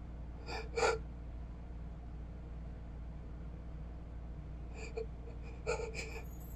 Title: Obnoxiously stuck sneeze